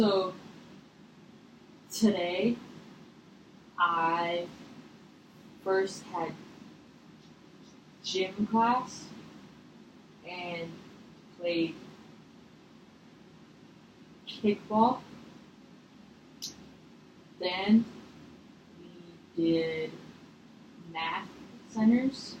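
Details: Acted stuttering: a role-played six-year-old client in a therapy session, stuttering mostly at sentence beginnings with eye closing, facial tension and chin tucking; the clinician prompts noticing the stutter.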